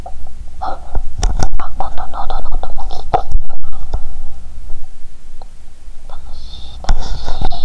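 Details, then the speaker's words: Stethoscope over a person's upper stomach after drinking cola with Mentos. They feel full, have burped and hear many loud noises; a different, burp-like sound is heard there. Bowel sounds. "You can hear a different sound from the upper stomach 👂 ♪. Did anyone burp in my stomach now? 😂."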